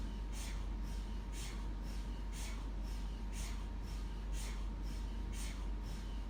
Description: MRI sound loop for relaxation and ASRM